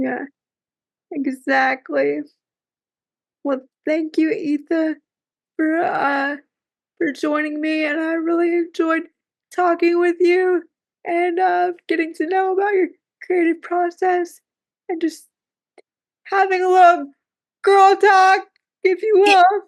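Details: Dysarthria due to cerebral palsy in a woman who says talking is hard for her.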